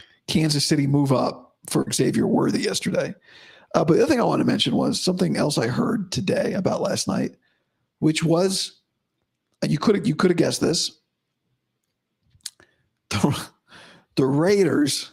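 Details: Adult man about five to five and a half weeks after vocal cord surgery, improving daily but unchanged today after heavy voice use and no sleep: dysphonia after vocal cord surgery.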